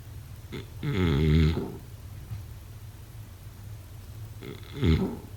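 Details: Two low, rough, vibrating breath sounds during sleep with a quiet pause between them; snoring.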